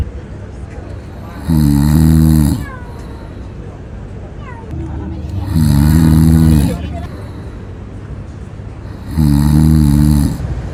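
Three loud, rattling snores on each breath in, about 17 a minute, with quiet breathing between: cat snoring.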